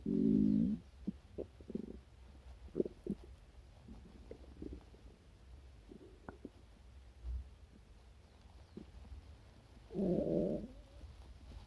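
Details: Stomach noises after breakfast: loud gurgling growls at start and end with small pops and bubbling between; normal stomach growling, borborygmi.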